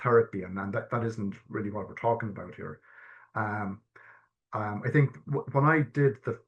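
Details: Stuttering in an adult man who has stammered since childhood. Early repetitions turned into severe blocks at age 12, with secondary behaviours such as 'um', restarting, avoiding eye contact, coughing and filler words. Stammer-affirming therapy is discussed.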